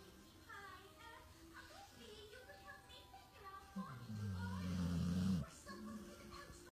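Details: Male pit bull-type rescue dog sleeping happily at his foster's workplace: low rumbling snore, loudest near the end, over background talk and music; snoring.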